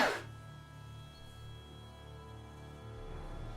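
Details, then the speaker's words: Adult gamer's single loud, explosive sneeze, announced just beforehand, followed by chest discomfort; background game music in a small room. "Woo! What a sneeze. Oh, my chest hurts."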